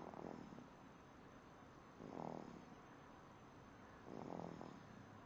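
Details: Baby snoring: soft, short snoring sounds about every two seconds over a quiet background hiss.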